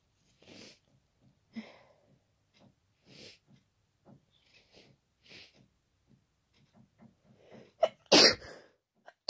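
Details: Person with a cold, very wet, powerful, unstifled sneezes; quick tickly sniffs and catching breaths build to a single loud forceful wet sneeze; sneezing.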